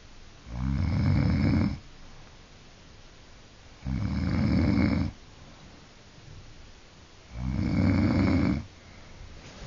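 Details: Grandmother snoring in bed: loud, rough, rattling snores on each in-breath, about 18 a minute, with quiet exhalations between; heavy snoring.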